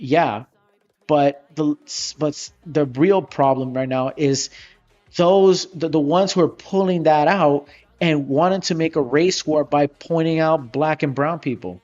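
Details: Adult male who says he stutters a lot; stuttering.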